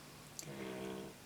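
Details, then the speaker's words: Faint, tonal, whistling snore from a pet sleeping in the background of a quiet indoor room. "can you hear lady in the background guys she's snoring away there she goes"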